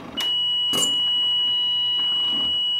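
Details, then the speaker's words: Steady high-pitched alarm tone with a few clicks over room noise from an open-source automated bag valve mask ventilator prototype when input power is lost, running on backup battery; ventilator power-loss alarm. "we also implemented a fully stop setup as well as the audible alarm and visual alarm that you will see on the screen when we lose input power"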